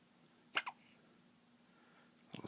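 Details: Small, high, squeaky hiccups that happen every time after eating: a few brief bursts in a quiet room.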